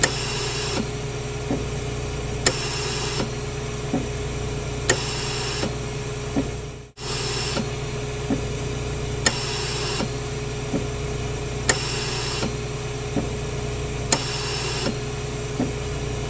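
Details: Hospital mechanical ventilator: rhythmic hissing air bursts with clicks over a steady machine hum, cycling about 25 times a minute.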